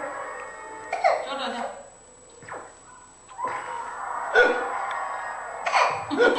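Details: 10-month-old baby hiccuping while playing: about five short abrupt catches at irregular intervals, with soft music and adult talk in the background; infant hiccups.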